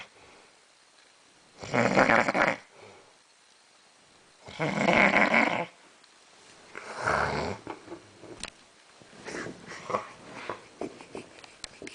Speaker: The guy snores really loud. I think he's going to die.